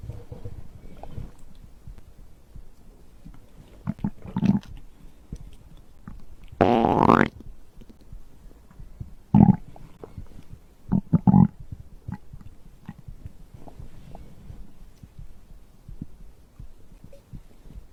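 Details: Scattered low gurgles and a few louder bubbling rumbles over quiet background; ordinary bowel sounds (stomach growl) of digestion recorded after drinking a beverage.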